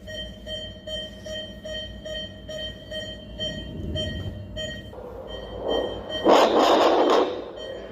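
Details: Fetal heart sound checked with Doppler during a prenatal procedure: fast, regular pulsed tones at roughly 140–150 per minute.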